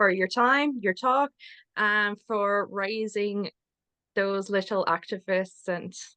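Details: Adult man, self-identified person who stutters and stuttering advocate, speaking at a public event; stuttering.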